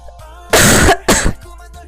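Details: Korean girl coughing: two harsh, loud cough bursts in quick succession over faint background music; ordinary cough.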